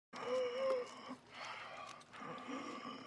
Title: Mac wheezing while eating